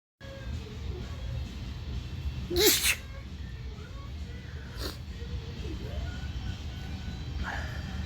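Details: One loud allergy sneeze with a fainter second sneeze, over steady background hum and faint music.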